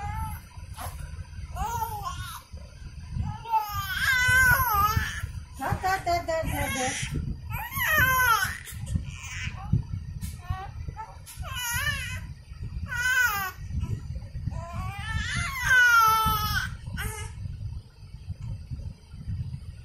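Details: Baby crying to catch a balloon: repeated high-pitched wailing cries in short bursts with breaths between, over room noise; infant crying.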